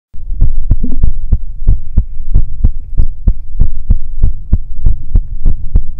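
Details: ASMR sleep-aid role-play recorded with a 3Dio binaural microphone, presented as listening to a character's heartbeat while she sleeps: soft, regular low thumps about 95 a minute, with a faint steady hum behind; a normal heartbeat.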